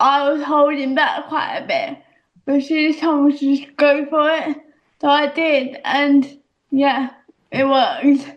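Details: Actress with a self-described audible speech impediment; speech impediment.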